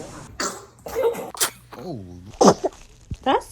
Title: The Cutest Sneezes You'll EVER SEE 😊 - Hilarious Baby - Adorable Moments